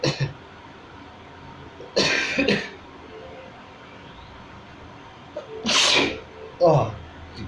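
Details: Self-provoked sneezes, homemade recording: two or three sharp, explosive bursts separated by quiet, with a brief intake of breath before them, faint room noise.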